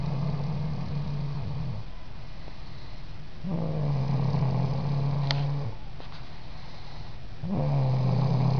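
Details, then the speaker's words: Girl (baby) sleeping with low, steady rumbling snores about two seconds each, recurring roughly every four seconds (about 15 breaths a minute) over faint background hum; snoring during sleep. "Look at the baby sleeping, making funny noises."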